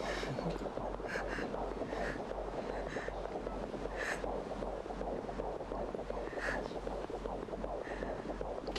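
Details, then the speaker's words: Fast, rhythmic whooshing fetal heartbeat over steady hiss on a pregnancy ultrasound in a TV drama scene (fiction); the baby is said to be a boy. "e veo su corazón es como una estrellita que titila aparece y desaparece"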